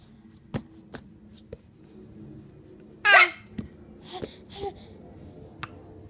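Repeated brief clicky hiccups with a burst of laughter and giggly voice sounds in a small room; hiccups.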